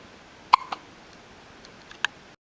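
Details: Baby with hiccups again, which his mother says he had often in the womb. Short, sharp hiccup squeaks, about three in two seconds, over steady room hiss: infant hiccups.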